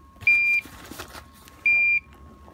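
Two short, pure, high-pitched electronic beeps about 1.4 seconds apart from an IV pump alarm, with faint room noise.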